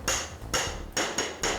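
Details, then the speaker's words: Hip replacement demonstration on a model bone: four sharp metallic mallet strikes of uneven interval and force driving a femoral broach, illustrating inconsistent manual hammering compared with a powered impaction device. "수술하는 분들에 따라서 여기다 박자를 맞추기도 해요 이렇게 하기도 하고 어떤 분들은"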